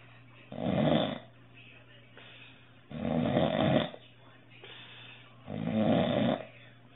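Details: Three loud, rough snores on breathing in, about 24 a minute, with quieter breaths out between them; a man's snoring recorded on a phone to test Breathe Right nasal strips before and after use.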